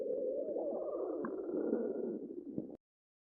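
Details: Stomach growling (borborygmi): a continuous low, wavering gurgle and rumble lasting nearly three seconds, then stopping abruptly.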